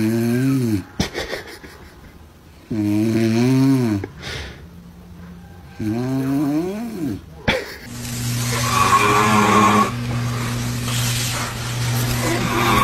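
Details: Heavy snoring with babies reacting: loud, deep, vibrating snores recurring between pauses, with other voices and background sound in the room.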